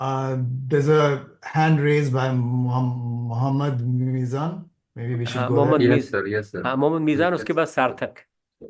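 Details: Adult man, stammering self-help session co-leader, who says he stammers and is wired that way; repetitions of short phrases and words with "uh" fillers heard; stammering (stuttering).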